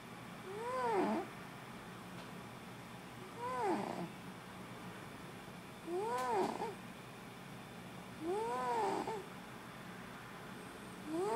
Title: Snoring cat - Il mio gatto russa...